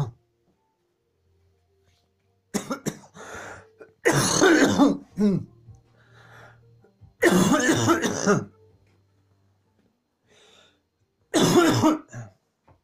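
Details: Clusters of harsh, forceful coughs in quick runs separated by pauses: a coughing fit.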